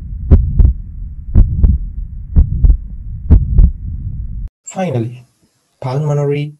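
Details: A sound-enhanced teaching recording with a regular heartbeat near 60 a minute and a steady low rumbling murmur filling the gaps: tricuspid regurgitation murmur.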